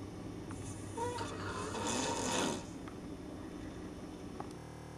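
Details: Adult man sleeping in a hotel room, snoring extremely loudly: a single long, rough, rattling snore over steady room hum; snoring.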